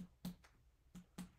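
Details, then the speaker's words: Percussion of the liver span along the right midclavicular line, tapping upward from the umbilical area to the point of dullness: short finger-percussion taps over the right upper abdomen with a flat, dull note marking the liver border. "the way to do it is the right clavicular line around the umbilical area you start uh percussing all the way up until you find dullness"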